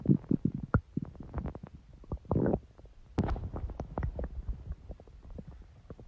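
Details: ASMR recording of long, continuous stomach growling from the belly: gurgling and bubbling rumbles with squeaky pops and a longer churning growl; ordinary borborygmi.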